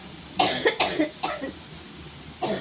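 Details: Four harsh, dry-sounding cough bursts in quick succession from an adult, with a faint steady hum; a persistent cough that the person says hospital visits have not cured.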